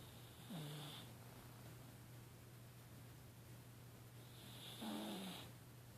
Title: snoring